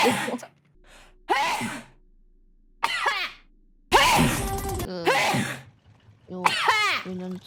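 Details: Several loud sudden sneezes with sharp breath intakes separated by pauses, from a VTuber's sneeze compilation; ordinary sneezing.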